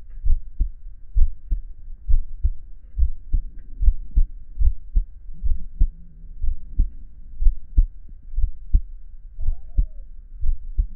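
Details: Heartbeat of a chubby hairy adult male, recorded by him listening to his own heartbeat for relaxation and ASMR; normal heartbeat.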